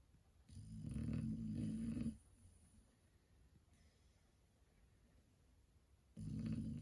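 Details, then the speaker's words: Rye, who snores and needs an adjustable bed to curb it, snoring away the morning. "Riley snoring away the morning."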